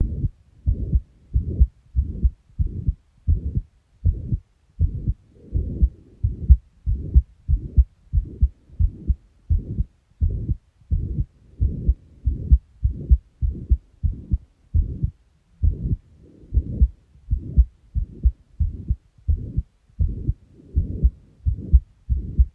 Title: | Heart Murmur 2 |